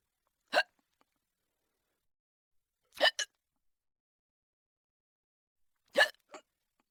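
Three sharp, abrupt hiccups about every three seconds, each with a faint trailing catch, in a quiet room.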